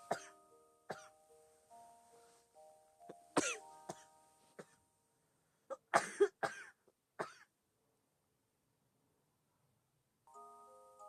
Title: Girl coughing, asthma